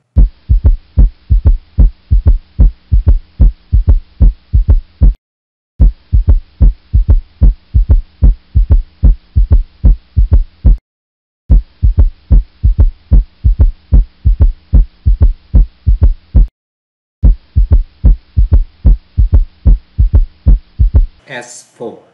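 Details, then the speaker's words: Nursing teaching recording of a third heart sound: regular low heart sounds about 74/min in three-beat ventricular gallop cadence (S1, S2, then S3), mnemonic "slosh-ing-in". "well another good mnemonic to remember the cadence and underlying pathology of an s3 is slushing in slashing in slashing in slash represents s1 in represents s2 and in represents s3"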